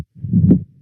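Loud first sound, silent systole, second sound then a snap, followed by a low diastolic rumble swelling before the next beat: mitral stenosis.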